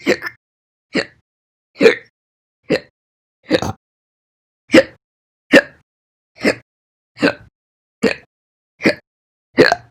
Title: 7/1/20 to 7/31/20, My Slow Hiccups